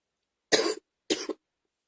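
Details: Morning cough; two short, harsh coughs with a loose, gaggy quality. Wet cough.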